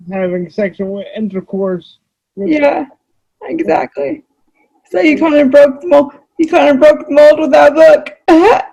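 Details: Adult female with cerebral palsy, who reports that voice-recognition software fails to understand her about half the time; dysarthria due to cerebral palsy.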